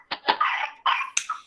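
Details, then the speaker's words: Child's coughing fit filmed by the father, diagnosed by a nurse practitioner as pertussis: a quick run of harsh coughs ending in a high-pitched drawn-in whoop; whooping cough. "the next time peter had a coughing fit her husband got it on video nurse practitioner saw it and diagnosed it right away and she thought she goes that's pertussis"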